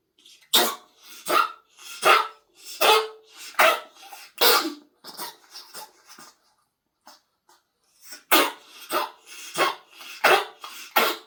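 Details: Pet coughing in two bouts of harsh, forceful coughs, about a dozen in all, with a short pause between.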